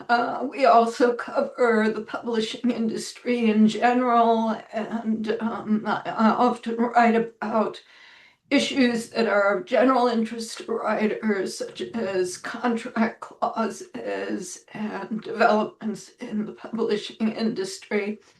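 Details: Adult woman with spasmodic dysphonia that she says causes her voice to sound this way; it varies day to day and she reports today is not a particularly good day.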